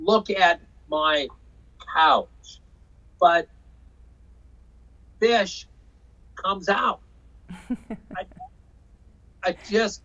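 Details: Man with aphasia after a stroke in 2005 caused by hereditary hemorrhagic telangiectasia (HHT); told he would never walk or talk again; he says he had or still has aphasia; aphasia.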